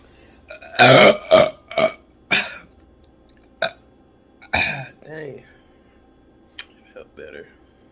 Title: Coca Cola Burps #shorts